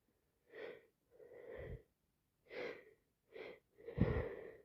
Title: Wet snezzes with my cold which now turned into sinusitis, I'm so sick #achoo #cold #sneezes